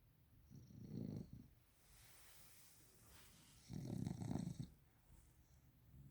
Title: Victorian Bulldog Sleeping, Snoring Again#eastcoastinbulldog #victorianbulldog #snoringbulldogpuppy